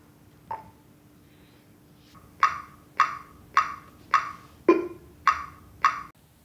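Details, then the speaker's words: CPR metronome on a corpuls3 defibrillator (software 4.4) in continuous mode for adults or children: evenly spaced electronic beeps at about 105 a minute pacing compressions, with a lower prompt tone at regular intervals cueing ventilations. "Wenn wir das Metronom im kontinuierlichen Modus nutzen für Erwachsene oder Kinder, erhalten wir jetzt auch in regelmäßigen Abständen Hinweistöne für die Beatmungen."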